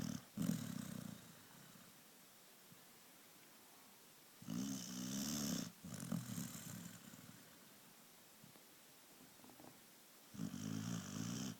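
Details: Springer dog, relaxing, snoring: deep fluttering rumbles on the breath every few seconds with silence between them; steady snoring.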